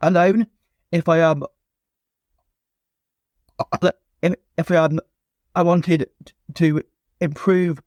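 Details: Stuttering (stammering) in an adult male former soldier, now a personal trainer, who has stammered since childhood.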